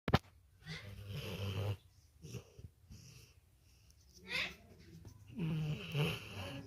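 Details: Pet dog snoring like a human: low rumbling snores with breathy noise on each breath while asleep.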